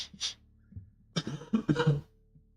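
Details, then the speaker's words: Adult recovering from an illness last week with a lingering cough: a short breathy sound, then a run of about four rough, chesty coughs in quick succession. "I know I can still hear it on my voice. I've still got the cough, but I'm actually okay in myself"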